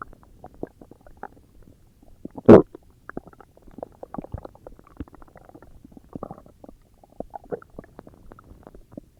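Soft gurgling and bubbling stomach sounds with one louder growl; ordinary bowel sounds of stomach growling.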